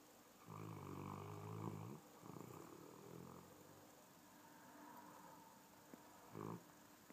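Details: Sleeping large dog snoring, one of his favourite pastimes: loud, rough, rattling snores with each breath and quieter snorts between; ordinary snoring.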